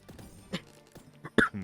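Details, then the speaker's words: Over quiet game music, an adult gives a few short, rough bursts ending in one loud, harsh cough. "Sorry, that was a very rough cough. Not sure what that sounded like on you guys' end, but we'll be fine."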